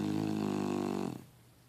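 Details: Snoring: one low, buzzing, vibrating snore lasting about a second, then quiet room noise.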